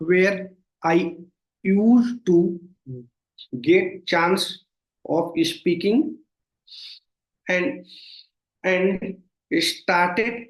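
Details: Stuttering (stammering) in an adult man, present since childhood and worsening over time, with severe blocks.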